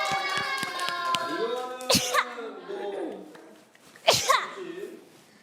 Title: [CLASS:y] sneeze